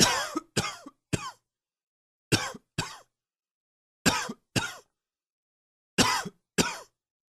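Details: An adult coughs from allergies: nine short, dry coughs in quick clusters of two or three.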